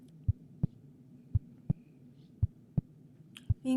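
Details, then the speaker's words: A student's own heartbeat heard through a homemade stethoscope (funnels, a balloon and a hose, one funnel on the chest over the heart, the other at the ear): steady paired lub-dub thumps, about 56 per minute, over a faint hum; a regular heartbeat. "maestra puedo escuchar mi corazón alumnos y alumnos que nos ven si realizan este experimento traten de escuchar el corazón de alguno de sus familiares"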